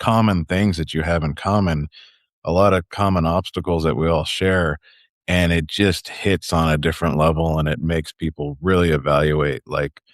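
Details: Adult male speaker; typical speech.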